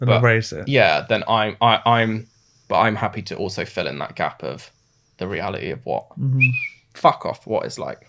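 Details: Adult man with Tourette syndrome, diagnosed suddenly in his mid-twenties, with interjected vocal tics including a tic utterance mid-sentence; vocal tics (Tourette syndrome).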